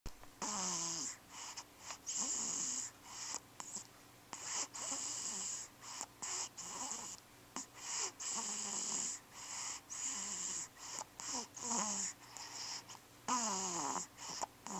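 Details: Repeated short squeaky, hissy breath sounds recurring every second or so: rapid hiccups.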